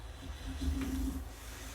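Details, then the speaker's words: Dog snoring in the background while a person talks: a single low, droning snore rising and fading over about half a second against faint room hum. "My dog doesn't seem to be very impressed if you hear the snoring in the background."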